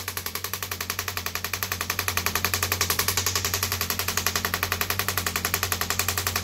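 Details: Radial shockwave therapy device firing rapid, very regular tapping pulses (about 220 a minute) over a steady low hum on an arm wrestler's triceps area, who sits forward and says it feels like really deep tapping on the bones.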